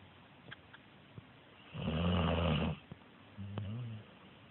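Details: A deep, rumbling snore followed by a softer, shorter one in a quiet room; snoring.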